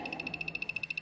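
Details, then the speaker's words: Low-cost Arduino ventilator prototype in which a motor compresses an Ambu bag, with tidal volume, breaths per minute and I:E ratio set by knobs; rapid, regular high-pitched motor ticking with steady pulses as the bag is pushed and released. "As you can notice that in the app which we have developed, the values are changing as the ambo bag is pushing and pulling."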